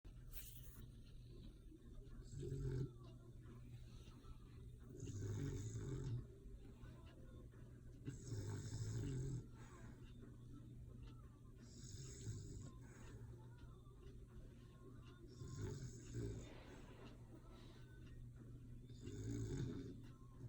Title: When your dog snores